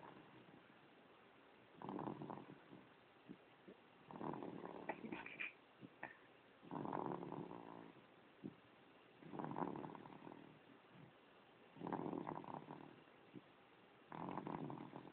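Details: Snoring in a young boy (great-nephew) during sleep: rough, rattling snores repeating about every two to three seconds, somewhat irregular.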